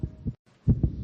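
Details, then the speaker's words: Quick paired low heartbeat thumps, faster than resting rate: the racing heart of a young child, described as stressed after being told she must move foster homes again. "This is the sound of a racing heart. It's beating a little faster because it belongs to a young child."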